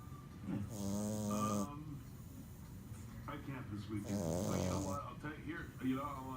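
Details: Two drawn-out, rattling, slightly whistling snores with quiet breathing between, from a sleeping merle French Bulldog puppy; snoring.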